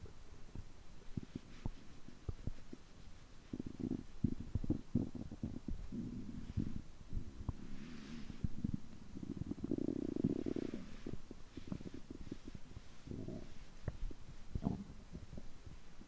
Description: On days when I eat too much, my stomach keeps groaning like this for more than 3 hours.